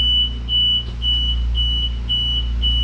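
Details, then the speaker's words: Invacare oxygen concentrator, used to feed glass-working torches, alarming when the oxygen is not opened up: repeating high-pitched alarm beeps over a steady low machine hum. "if you don't crack an oxygen you set an alarm the Invacare is um there it goes [Music] God I hate that alarm"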